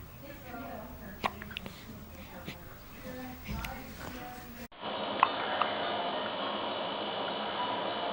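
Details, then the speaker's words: Newborn boy 2.5 hours old, 6 lb 15 oz and 21 inches long, just fed, with soft, brief, sudden hiccup clicks spaced a second or more apart over quiet room noise: newborn hiccups, a normal finding. "He's like, I'm cold and I got the hiccups. But I'm full because I got mommy's boobies."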